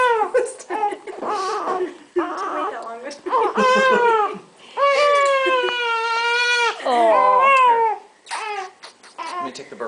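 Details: Male newborn a little over 4 days old, being burped by his mother: loud, sustained crying in repeated wails with brief pauses and some fussing sounds, small room; infant cry.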